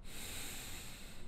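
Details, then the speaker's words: Steady, soft airy rush of one deep breath ending in a brief sharp noise; normal deep breathing during a chest physical examination. "el murmullo vesicular aumenta a causa de la hiperventilación se produce durante el ejercicio"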